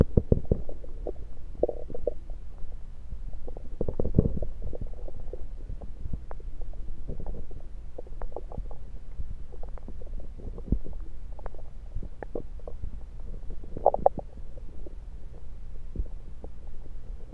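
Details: Stethoscope placed at different spots around the belly: low gurgles and irregular rumbling; ordinary bowel sounds.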